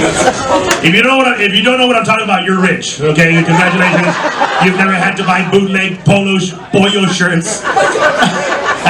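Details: Adult male comedy host; normal speech.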